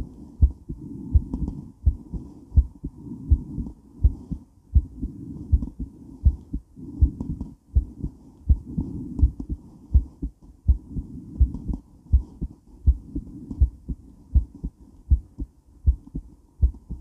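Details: Female heart recorded after weight training while moving, rate slowing quickly: strong, regular heartbeats about 82 a minute with rubbing movement noise; normal heart pounding after exercise.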